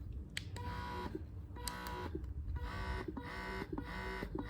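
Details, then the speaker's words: Horigen wearable breast pump in expression mode after two minutes of stimulation, recorded in a quiet room: repeated buzzing motor cycles with a rising tonal whine, said to sound quieter when worn. "so you can hear it and it's not that bad right again it will sound less it will sound less noisy when you put it on yourself"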